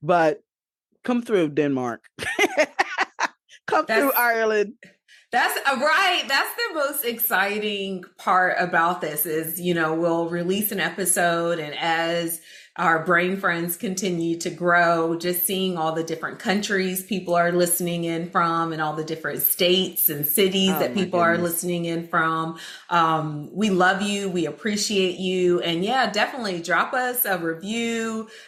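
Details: Adult woman speaking; typical speech.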